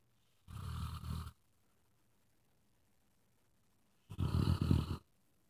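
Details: Hooch, a dog, snoring while asleep in a quiet room: two rough, rattling, low-pitched breaths a few seconds apart; ordinary snoring.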